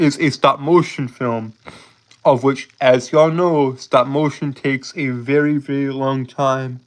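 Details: Lifelong speech impediment present since birth in an adult male, who holds syllables rather than repeating sounds; stuttering with prolongations and blocks.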